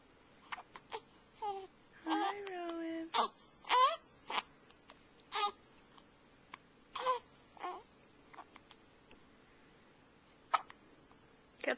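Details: Infant recorded with a Flip Video camcorder, babbling and making fussy sounds with brief, abrupt catches between them, hiccuping again, in a quiet room.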